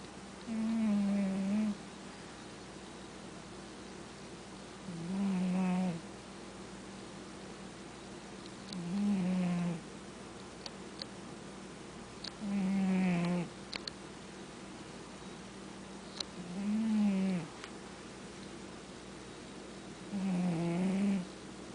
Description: I know, there are all kinds of snoring cats out there. But none of them are as great as my Sabastian.